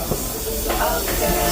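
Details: Steady hissing air/water spray from a dental instrument during a routine personal-hygiene dental cleaning appointment.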